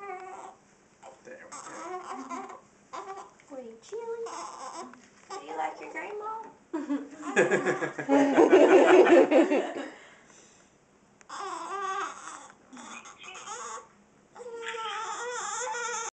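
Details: Infant with her first hiccups fusses and babbles, rising to a brief loud cry mid-clip, with adult voices nearby; infant crying.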